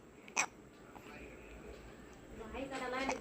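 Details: One abrupt hiccup-like gulp followed by soft voices and laughter in the room; hiccups.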